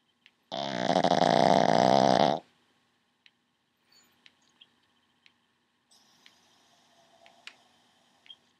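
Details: Pug dog snoring very loudly.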